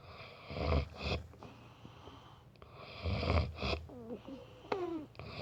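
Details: Male, a boyfriend, snoring during sleep: loud, low, rattling snores on each breath, about two per five seconds, with faint background voices.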